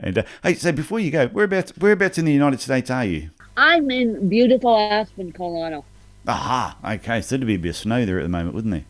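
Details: Adult speakers in conversation; no disorder.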